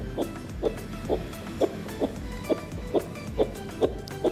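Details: Simulated fetal heartbeat demonstrated on a fetal Doppler device with LCD display: regular pulsing whooshes at about 135 a minute, within the 120–160 normal fetal range.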